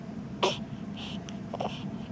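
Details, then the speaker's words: Person with hiccups: two short, abrupt throaty catches about a second apart over a steady room hum. "You got the hiccups? Yeah, you got the hiccups."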